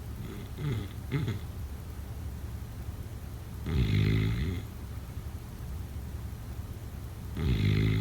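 Low, rattling snores on the in-breath, with quiet pauses between them. This is snoring during sleep.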